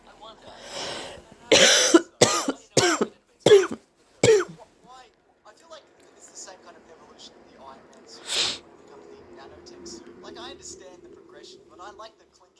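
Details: Cough during a stuffy head cold with a blocked nose, among induced sneezes and nose blows: about five sharp, wet coughs in a quick run, then sniffling and quiet breathing.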